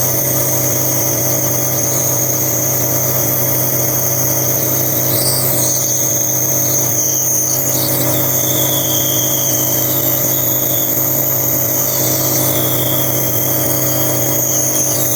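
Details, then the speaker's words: 9-month-old baby with cough and colds for over a week, asleep at night during a nebulizer treatment: steady loud mechanical hum and whine with a constant low drone from the running nebulizer compressor. "gabi na guys pero kailangan kong magp nebul sa aking baby kasi meron siyang upo at sipon"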